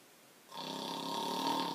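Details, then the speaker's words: Acted snoring in a TV car-insurance advert: a single rough, drawn-out inhaled snore. "well did you know that helmet man snores so loud that he keeps his dog up at night"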